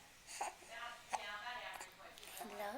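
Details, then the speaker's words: Small child with hiccups, recorded on a Flip Video camcorder: two sharp, sudden hiccup clicks amid soft voiced sounds in a quiet room. "got the hiccups. You got the hiccups. Yeah, you do."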